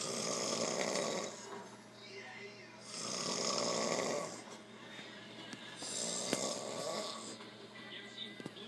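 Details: Adult heavy snoring during sleep after a long hard day of working; loud, harsh rattling snores about 20 breaths a minute with quieter breaths between.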